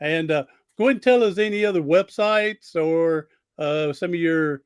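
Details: Adult male speaker; typical speech.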